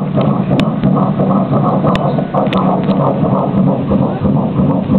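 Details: Fetal heartbeat on Doppler ultrasound at 12 weeks 3 days of pregnancy: fast, whooshing rhythmic pulses.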